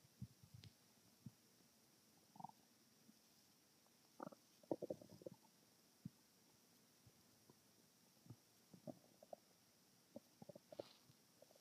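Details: Abdominal tummy-noise recording: quiet, irregular gurgles and squelches, ordinary bowel sounds from gas and fluid moving through the gut.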